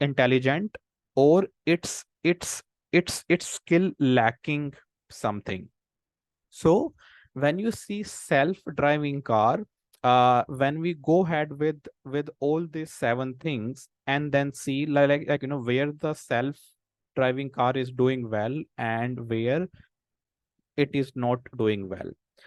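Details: Real stammering in an adult man, a senior volunteer of an Indian self-help association of people who stammer, with audible repetitions during a talk; stammering (stuttering).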